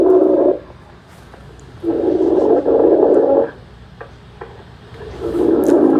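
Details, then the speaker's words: Unconscious, unresponsive person heard over an emergency call: loud, harsh snoring gasps separated by pauses, not normal breathing, prompting CPR; agonal breathing. "And she identified that they're not conscious and they have those snoring respirations, which is not normal breathing."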